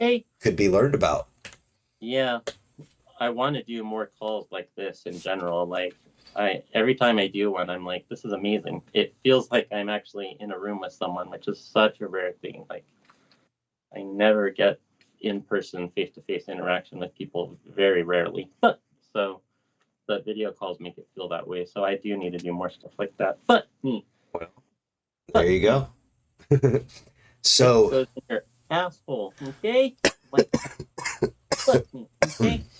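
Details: Adult man with lifelong Tourette syndrome that worsened in his 30s. Swearing and vulgar tics began around age 35, alongside humming, blinking and head shaking. Vocal tics with coprolalia (Tourette syndrome).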